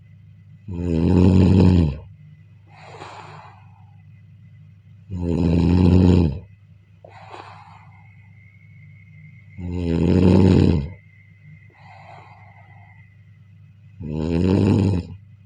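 Deep, regular rumbling snores on each in-breath, softer airy out-breaths between, about fourteen breaths a minute: steady snoring.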